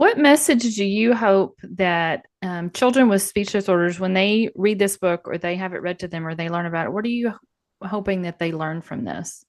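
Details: Adult female speaker; ordinary speech.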